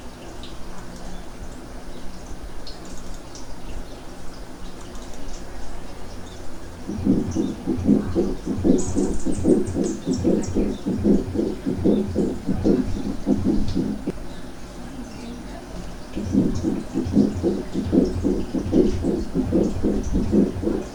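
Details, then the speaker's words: Teaching demonstration of added heart sounds: harsh, scratchy sounds repeating with each heartbeat, about 75 a minute; pericardial friction rub. "se generarán a la auscultación unos ruidos típicos llamados brotes pericárdico que vamos a oír vamos a escuchar en esta presentación a continuación"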